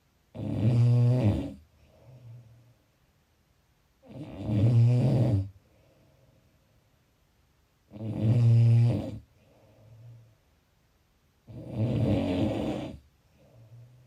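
Loud rattling snores on each breath in, with softer breaths out, about 16 breaths a minute.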